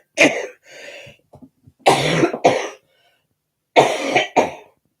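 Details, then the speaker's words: Adult woman with a bad cold, cough and chest infection: harsh, barking, sea-lion-like coughs in bursts of two, with quiet breath and throat noise between them. "I'm trying hard not to cough, actually. Because when I cough, I sound like a sea lion and I don't want anybody to start throwing me bits of fish."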